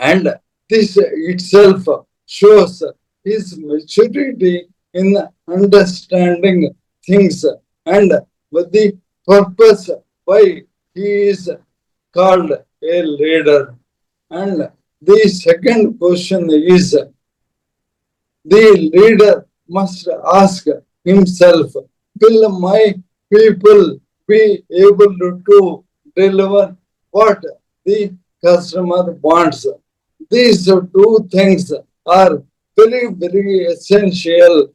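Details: Adult man, a corporate strategist of 30+ years, with Parkinson's from 2022, diagnosed late, later ALS (motor neuron disease); mobility and speech very severely affected; slow speech with long pauses; dysarthria (ALS / motor neuron disease).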